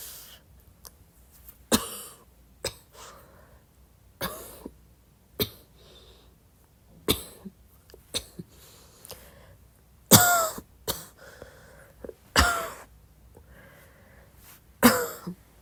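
Scattered single soft coughs and throat-clearing sounds, roughly a dozen over fifteen seconds, at irregular intervals in a quiet room.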